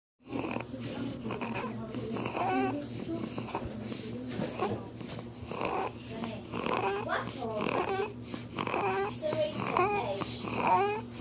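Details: Baby with laryngomalacia: noisy, high-pitched, squeaky breathing mixed with fussy vocal sounds, inspiratory stridor.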